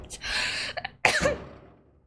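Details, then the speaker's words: Female adult streamer coughing: a throat-clearing sound, then a single forceful cough with a breathy trailing end. "Что собака-то орёт? Что ее так испугало? Мой голос, мой кашель."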